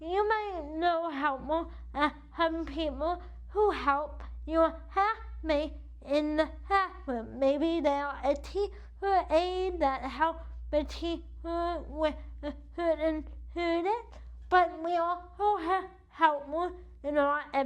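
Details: Adult woman with cerebral palsy affecting the right side of her body, with a weak right arm; she uses a wheelchair and says CP affects how she talks and moves. Dysarthria (cerebral palsy).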